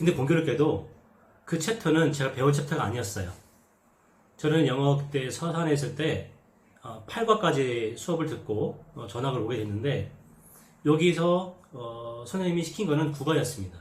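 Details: Adult man with lifelong stuttering and social avoidance due to it, who says he no longer has such experiences now; stuttering.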